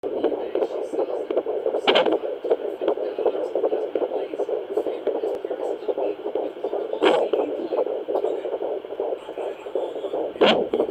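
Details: Rapid, galloping, whooshing fetal heartbeat on a fetal Doppler, about 150–160 a minute, with placental blood flow and a few thumps from the baby's kicks and flips.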